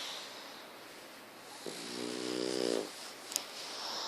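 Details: Pug snoring: one brief, whistly, buzzing snore on the breath over background noise, typical of a flat-faced dog.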